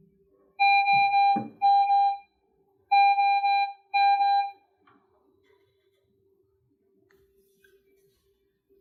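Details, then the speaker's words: Home pulse oximeter alarm, four loud, steady electronic tones in quick succession, sounding when the child's readings fall outside physician-set parameters or the probe fails to read heart rate or oxygen saturation. "if you find that your machine is having trouble picking up a heart rate or oxygen saturation try repositioning your probe if you do experience issues you will get an alarm that sounds like this"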